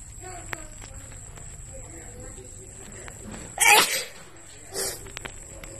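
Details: Two sudden explosive bursts of air through the nose and mouth, the first louder, over a quiet outdoor background in the Philippines: sneezes.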